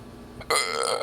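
One loud, drawn-out belch lasting about half a second after a quiet start; an ordinary burp.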